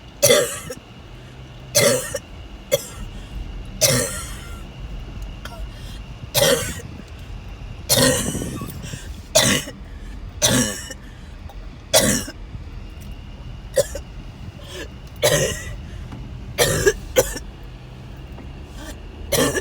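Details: Person in a car on the way to the hospital ER having a series of coughing attacks: bursts of harsh coughing in clusters over road noise, about a dozen coughs in twenty seconds; recurring coughing fits.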